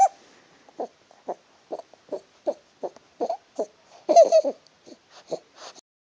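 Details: Stridor in an infant: rapid, repeated hooting, crowing sounds with each breath, with background noise and toy blocks.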